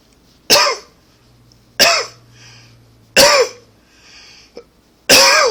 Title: Coughing 65 Hard coughing